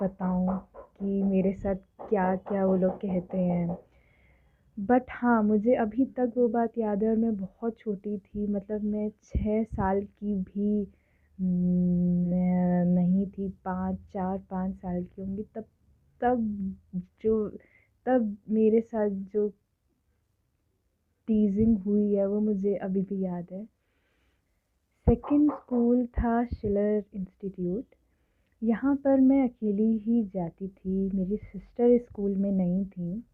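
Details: Adult woman who has stammered since early childhood, speaking Hindi and English; stuttering.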